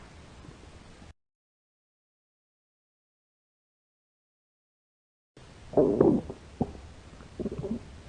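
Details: Low gurgling rumbles and short bubbly pops after a stretch of silence, from hungry young women's empty stomachs. Finding: stomach growling (borborygmi).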